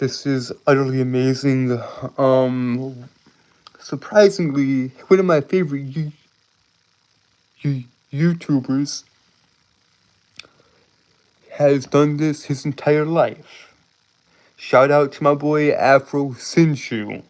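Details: Male streamer with a self-reported speech impediment causing stuttering and tripping over words; stuttering.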